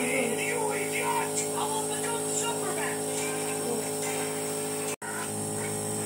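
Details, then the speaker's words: Portable nebulizer for upper and lower airways being test-run: a steady, somewhat noisy buzzing hum, with faint talk in the background. "kind of noisy though but that's fine okay here it is a little bit noisy"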